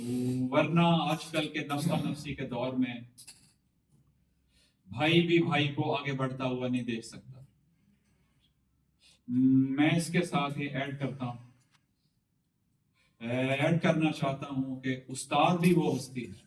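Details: Adult man who has overcome stammering speaks with the slow speaking pattern and deliberate pauses taught in his course, with a word repetition; stuttering managed with fluency technique.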